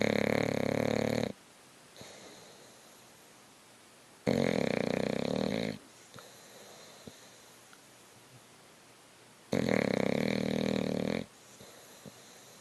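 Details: Sleeping English Bulldog snoring deeply: loud, harsh snores, three in about twelve seconds, separated by quiet pauses.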